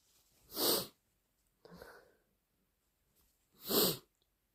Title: More sneezes and wet blows! 🤧🤧